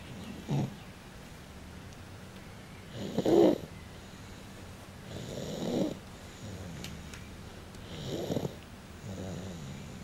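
Rhythmic rough snoring noises, about four in ten seconds, with quiet breathing between them. Ordinary snoring.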